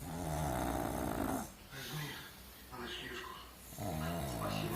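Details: Pug snoring while asleep: rough, buzzing snorts from a flat-faced small dog, with people talking softly nearby, typical of a narrow airway.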